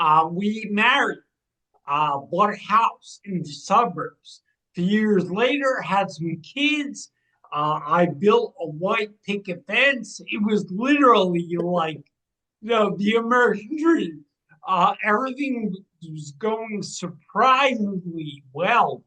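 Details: 45-year-old man with degenerative ataxia and cerebral atrophy, diagnosed in 2013 or 2014, affecting movement, balance and speech. His speech has been changing since about 2020 as the disease progresses. Ataxic dysarthria.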